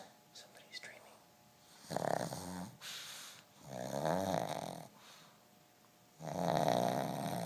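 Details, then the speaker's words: Sleeping pug, female, tired after a day in the workshop, possibly dreaming: loud rattling snores on each breath, with quiet room noise between; snoring. "boy she sure can snore her snoring is so loud I think she's running in Her [Music] Dream"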